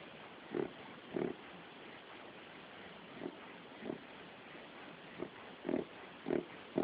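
Repeated snorting, honking inward snorts at about one per second over background hiss; a reverse sneezing episode in a dog.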